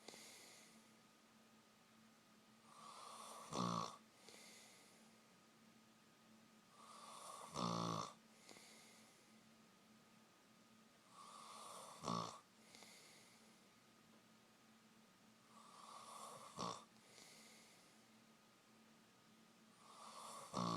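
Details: Person snoring during sleep: slow rising breaths, each ending in a sharp snort, about 15 breaths a minute.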